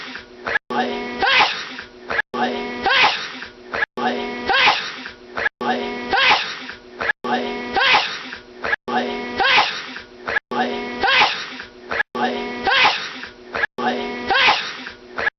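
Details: Repeated forceful sneezes about every 1.6 seconds, roughly 37 a minute, each with an indrawn breath before the burst, from a person whose fit lasts about 10 minutes: a sustained sneezing fit.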